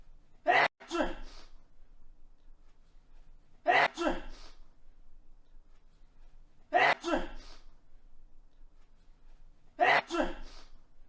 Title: sketch sneezing almost perfect loop for an entire minute